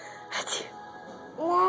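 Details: Toddler girl sneezing on demand: a single brief, sharp burst of noisy air, followed by the start of a voice, with faint music in the background.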